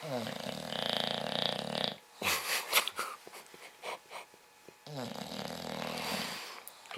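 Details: English Bulldog, 8 months old, asleep: loud rattling, wheezy snores on each breath with a quiet pause between, typical noisy sleep breathing of a short-nosed dog; snoring.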